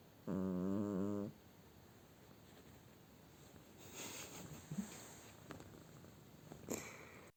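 A single short, buzzing, vibrating snore-like breath, followed by quiet room noise.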